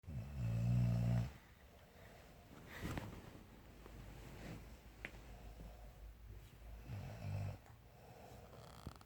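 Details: Sleeping adult woman, a mother: deep, rumbling snores on breathing in, with softer breathing between, in a quiet room; snoring.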